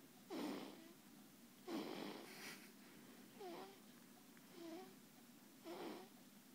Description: My 17 day old daughter snoring her head off